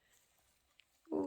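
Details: Kia, about to become a yearling, at 6 a.m.: near silence, then a brief, loud, rough snorting breath consistent with the start of a snore.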